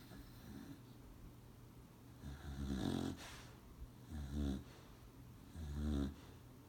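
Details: Beagle asleep with three loud, low, rattling snores, each a rough buzzing rumble on the in-breath, with quiet breathing between.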